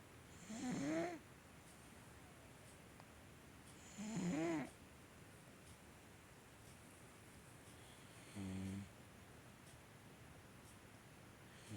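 Loud rattling snores from a sleeping cat, about three breaths in twelve seconds, with a quiet room behind; ordinary snoring.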